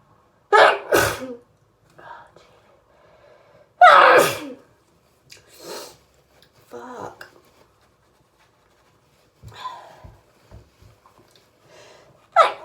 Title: Crazy hayfever sneezes that kept coming!